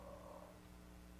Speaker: That's the bulldog snoring.